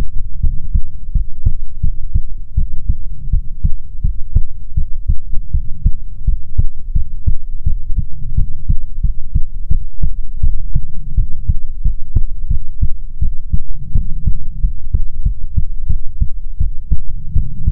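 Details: ASMR heartbeat recording, presented as soothing heartbeats from a female persona: repeated low heartbeat thumps over a constant deep rumble.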